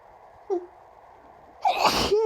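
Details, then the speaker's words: Person in an allergy sneezing fit, allergy medication not taken, window left open, short voiced intake then one loud explosive sneeze with vocal tail after announcing it; allergic sneezing. "God. I've been sneezing for like a few minutes already. These are just getting like louder and louder."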